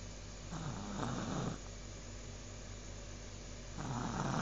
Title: My Boys Snore - Original Indonesia